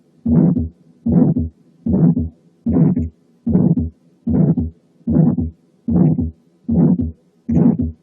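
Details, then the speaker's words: Mild aortic stenosis: regular heart sounds at about 75 a minute, each with a very short, rough, somewhat harsh ejection systolic murmur; the shortness of the murmur reflects the mild severity. "بحيث ان very short ejection systolic murmur تساوي very mild aortic stenosis. نسمع بقى حالة mild aortic stenosis."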